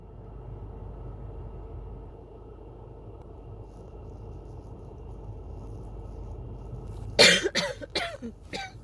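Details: Coughing fit set off by a throat tickle, with shortness of breath, recorded in a car. Patting chest, drinking water, and an inhaler near the end did not stop it. About four harsh coughs burst out in quick succession.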